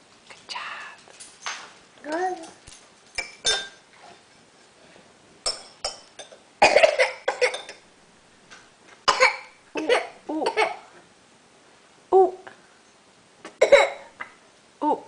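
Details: A baby at breakfast eating yogurt gives a series of short, abrupt infant coughs mixed with small vocal sounds, with light table noise.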